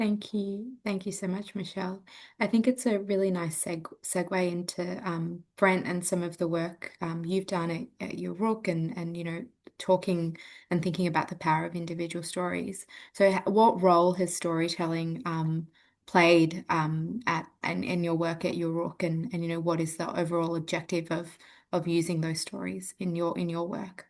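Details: Adult speaker; Typical speech.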